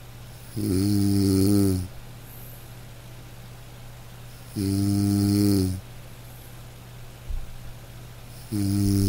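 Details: Loud, rhythmic rattling snores about every four seconds, roughly 15 a minute, with quiet exhalations between, from a man in deep sleep: snoring.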